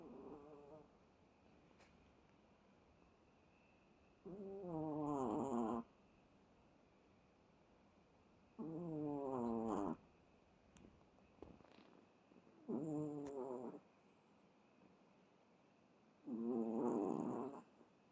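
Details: Chihuahua dog in deep sleep snoring repeatedly: short, buzzing, whistly snore bursts about every four seconds, roughly 15 breaths a minute, with quiet gaps between.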